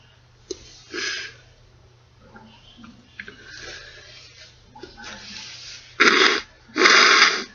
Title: Snotty sneeze